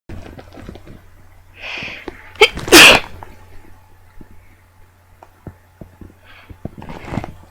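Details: A few sneezes, about four, recorded as samples: sneezing.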